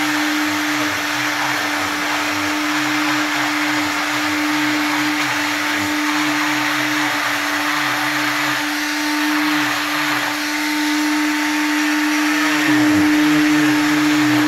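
Steady high whine of an oscillating cast saw, rising and dipping in pitch as it cuts through a leg cast.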